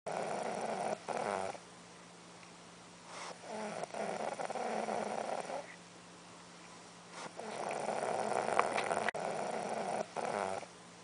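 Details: Woman snoring while asleep, recorded without her knowledge by her boyfriend; she wakes and mumbles in sleepy nonsense speech; snoring.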